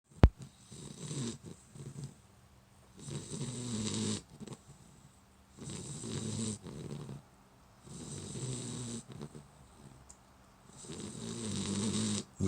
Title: Our new puppy snoring in favorite sleeping spot